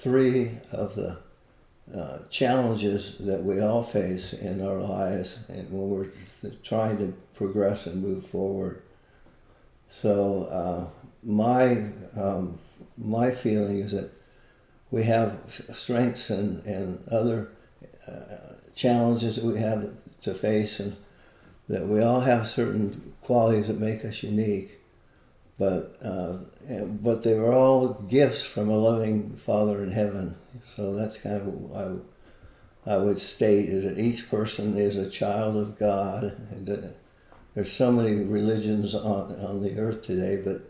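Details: Adult man with Parkinson's disease, a neurodegenerative disease, for more than 20 years, with visible shakes; Parkinson's disease speech.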